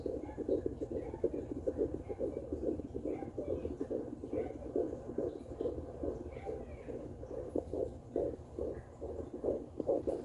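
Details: Fetal heartbeat at 15 weeks of pregnancy, picked up on a home Doppler low over the pubic area: rapid, regular whooshing pulses at about 140 to 145 beats a minute.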